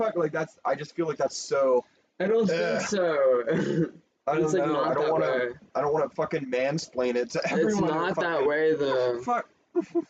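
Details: Speaker with Tourette syndrome talking; frequent censored interjections likely represent vocal tics; vocal tics (Tourette syndrome).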